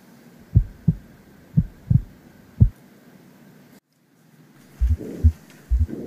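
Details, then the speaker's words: Low heart sounds with a soft rushing noise between them: systolic regurgitant murmur from mitral and tricuspid regurgitation, in a nursing-student training scenario. "I think I hear some systolic re-urge. The mitral and tricuspid valves don't close properly and the ventricles contract, some of the blood from the ventricles is pushed back up into the atria."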